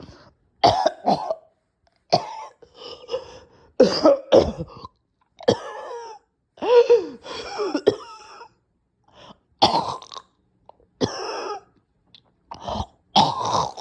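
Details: Person too weak to record: prolonged run of harsh, wet coughs with gagging, strained throat sounds and gasping between, a nasty coughing and choking fit.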